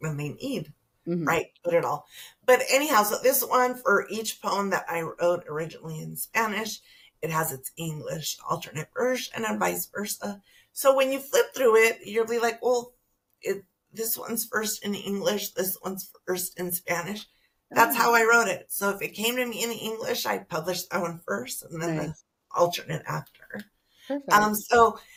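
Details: Adult woman with spasmodic dysphonia that began with stress in her first year as a teacher and took two years to diagnose; treated with Botox injections every few months, recorded at the end of her three-month cycle; spasmodic dysphonia.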